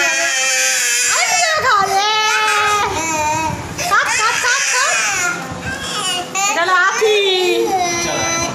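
Loud, sustained wailing cries with rising and falling pitch and sobbing breaks; an upset young child crying indoors.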